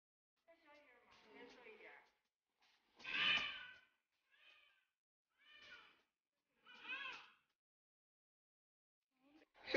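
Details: Newborn baby girl crying just after birth, at first contact with her mother: several short, high-pitched bleating cries separated by pauses; a normal newborn cry.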